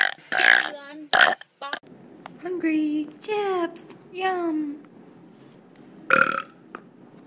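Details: Burping: several loud, drawn-out, croaking burps with gliding pitch, mixed with bursts of noise.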